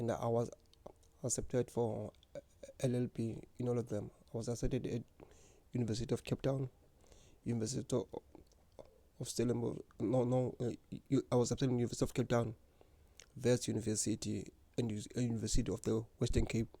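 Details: Adult man who has stuttered since grade 1 or 2; stuttering.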